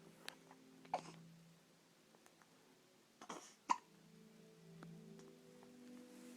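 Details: Hiccups: a few short, sudden hiccup sounds, irregularly spaced, over soft background music.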